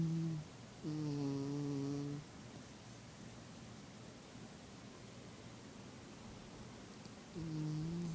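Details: Two droning, tonal snores about six seconds apart, with quiet between them; snoring with a humming quality.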